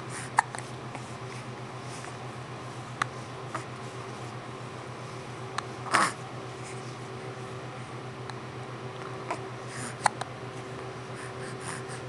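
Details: Person sitting up, wearing a hoodie, with hiccups: several brief, abrupt clicks and one louder gulping sound over steady room hum.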